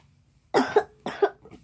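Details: Two short, moderately loud coughs from a sick child, one of two sisters, in a quiet room.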